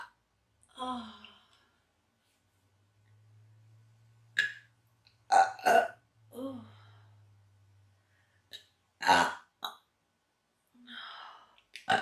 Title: Woman gets hiccups from induced burping